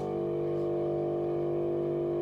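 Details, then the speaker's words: Mechanical suction unit running: steady low constant-pitch motor hum, with rigid Yankauer tip whose finger hole controls suction; EMS training demonstration of airway adjuncts and suction. "it's a rigid tip it has a manual on/off hole in the rigid tip when our fingers off of it there is no suction our fingers on it now we have suction we're gonna turn our device on putting our finger over the hole"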